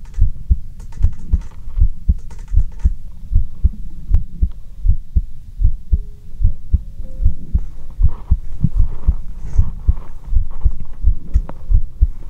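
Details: Heartbeat heard through a stethoscope in an ASMR recording: steady low thumping normal heartbeat at about 78 beats per minute, with faint handling noise in the background.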